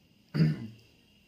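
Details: Throat clearing during a new stethoscope unboxing: a single brief, low, rough throat clear in a quiet room.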